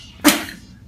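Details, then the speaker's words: Peak flow meter blown with a short puff that pops the indicator to the top without moving much air; incorrect technique, needs a sustained blow (the child's earlier blows reached about 120–125). "you see I just popped it all the way to the top I didn't really move any air so that's you got to watch that it needs to be a sustained blow"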